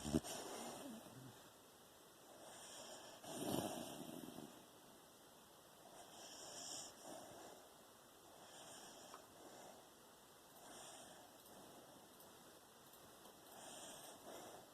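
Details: Sleeping Beagle snoring with tongue out and eyes opened and moving: soft, rhythmic snoring breaths, about 18 a minute, against a steady background hum.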